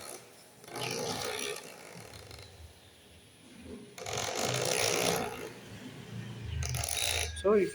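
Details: Zoncare portable ECG machine demo: bursts of rapid mechanical whirring and rasping as ECG paper feeds after pressing the print button; ECG machine printing a report.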